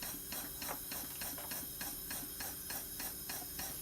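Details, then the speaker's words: Rapid, regular hissing air pulses at about 200 a minute over a steady machine hum: intrapulmonary percussive ventilation delivered in line with a ventilator on test lungs, with added volume, pressure and a small leak. "k at the waste ones on this side on your vent you can see you're getting your rate you're getting your tidal volumes and you're getting your percussions from the IPV now you will have added volumes you will have added pressure during this because it's an ITV therapy but that's supposed to happen we have our small leak"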